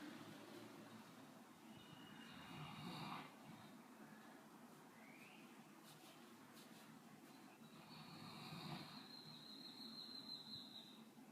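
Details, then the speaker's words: Sleeping dog gives a low, rough, rumbling snore that swells and fades, said to sound exactly like the owner's father's snore, over faint room noise: snoring. "Como puede notar, reproduce exactamente el ronquido peculiar de mi papá."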